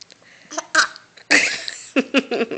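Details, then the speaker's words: Girl with hiccups: several short, abrupt voiced catches in quick succession, with vocal sounds between them, while an adult laughs about the hiccups. "hiccups are funny aren't they"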